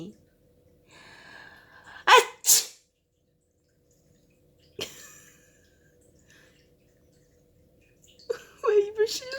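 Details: Owner sneezes repeatedly, including a fake sneeze, and each time the cat scolds with loud meowing; sharp sneezes, then a third, in a quiet room.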